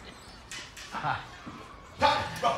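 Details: Acted film portrayal of an adult man with Tourette syndrome making loud barking vocal tics.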